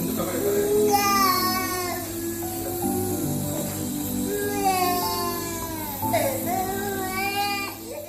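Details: A baby with a cold and cough cries in repeated wailing bursts while receiving a nebulizer treatment, with background music and a steady machine hum.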